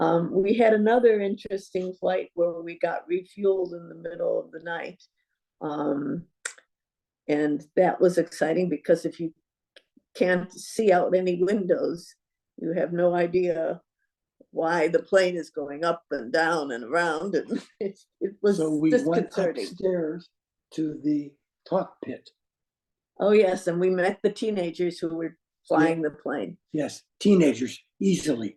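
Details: Adult speaker; normal speech.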